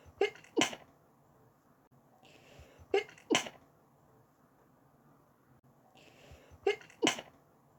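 Three paired sneeze bursts, each a quick intake followed by two sharp explosive sneezes, about three seconds apart, in a sneezing fit.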